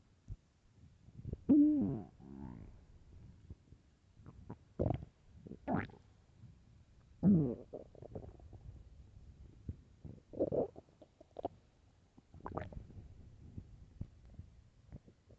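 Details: Really loud stomach growls: scattered loud, squeaky gurgles and groans from the belly separated by quiet stretches; borborygmi.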